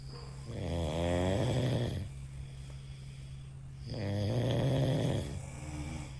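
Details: Person snoring in sleep; two loud, rattling snores on the in-breath, about 19 a minute, with quiet pauses between.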